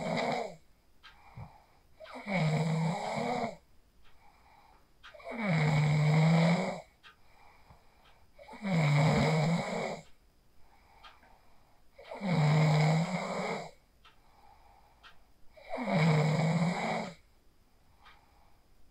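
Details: Real sleep snoring recorded on a phone after practicing the 4-7-8 breathing technique: loud, regular rattling snores on each inhalation, about 18 breaths a minute, quiet pauses between; snoring.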